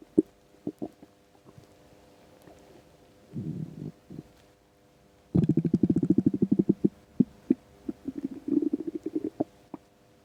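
Low gurgling rumbles and rapid bubbling runs of bowel sounds from an empty stomach; ordinary hunger rumbling.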